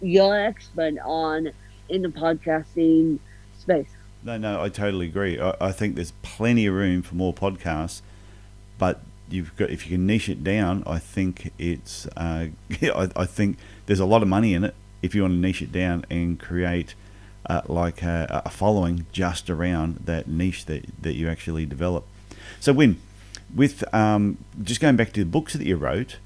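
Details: Adult male speaker; normal speech.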